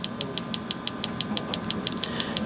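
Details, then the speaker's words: Radial shockwave therapy on an adult male's forearm for an elbow extensor mass strain from gym overuse, delivering more energy than usual in a longer session. His flare-up is 2-3 weeks old and recurs from about 2 years ago. Rapid sharp clicks, about six per second, are heard. "so we're sending a little bit more energy than usual into this spot just mainly because we're trying to test out a couple things with our treatments"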